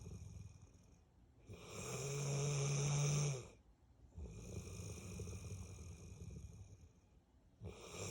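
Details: 8-year-old Bullmastiff dog snoring all day, every day: long, loud rumbling snores with a wheezy, whistling edge, two full breaths and the start of a third.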